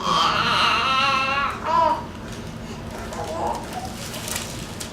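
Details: Loud, wavering infant cry lasting about two seconds, then quieter fussing and room noise, from a baby boy during a chiropractic assessment and gentle adjustment; an ordinary baby's cry.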